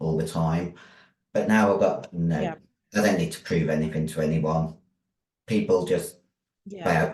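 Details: Virilized (androgen-deepened) voice in a 56-year-old female bodybuilder after large-dose anabolic steroid use, including male steroids; voice formerly high-pitched, now very deep, can no longer sing; also has chronic kidney disease.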